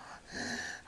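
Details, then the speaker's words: A sleeping young boy gives a sudden, noisy, two-part gulping gasp for air after holding his breath. It is one of many obstructive sleep apnea episodes within about three minutes. "he's still holding his breath and I he's going to gulp again there he"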